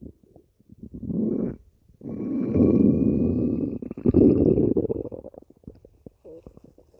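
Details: Person's stomach growling: long, low gurgling and rumbling swells with brief gaps, like ordinary bowel sounds; stomach growling (borborygmi).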